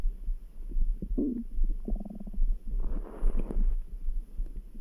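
Soft gurgles and low rumbles from the belly, with faint thumping heartbeats behind them; ordinary bowel sounds.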